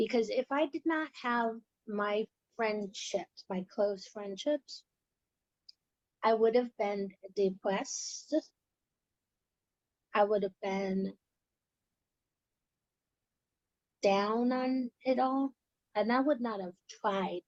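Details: Female research participant with aphasia; aphasia.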